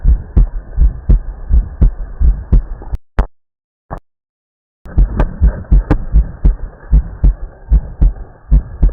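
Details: Steady low heartbeat thumps through a stethoscope at about 82 beats a minute, with a brief break; heart sounds on auscultation.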